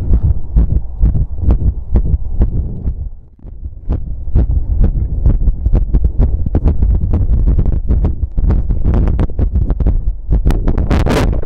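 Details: Visible apex heartbeat recorded while pressing on the chest outdoors after exercise: fast, strong, low thumping at about 130 beats per minute with a brief dip partway. Normal rapid heartbeat after exercise.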